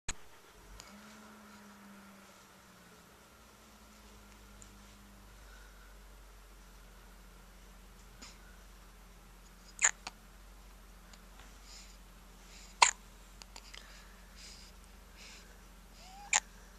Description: with a case of the hiccups.